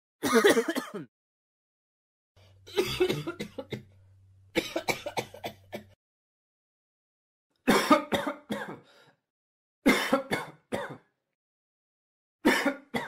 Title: Coughing Sound Effect